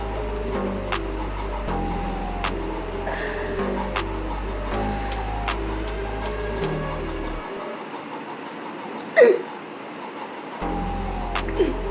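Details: During a spicy chilli eating challenge, one loud, abrupt gulping catch and a fainter second one are heard over steady background music: real hiccups.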